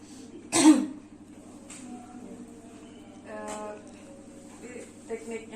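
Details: Demonstration of effective cough technique: after a deep breath in, a single forceful cough burst, then quiet with a faint voice and room hum, taught to a female patient.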